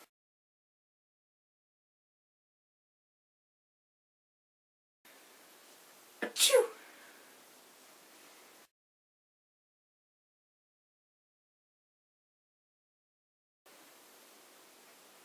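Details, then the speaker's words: Single sharp sneeze in a quiet stretch, acted for comedy as one of several kinds of sneezes. "The different kinds of sneezes."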